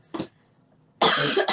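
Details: Girl coughing repeatedly while talking: a short throat-clearing sound, a pause, then a harsh, forceful cough burst.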